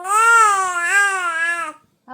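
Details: 68-day-old baby lying down at bedtime gives a single loud sustained wail then a breath while mother soothes verbally without picking up; ordinary tired crying while falling asleep.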